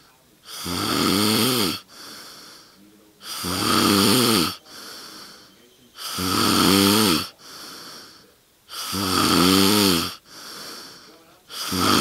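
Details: Adult asleep on a couch at 2am: loud, regular rattling snores on each breath in, softer whistling breath out, about 22 breaths a minute; snoring.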